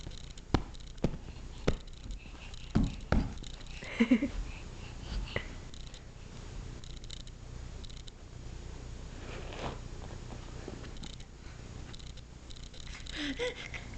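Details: A young boy grinds his teeth while awake in a quiet room, making a low grating rasp with scattered sharp clicks; teeth grinding (bruxism).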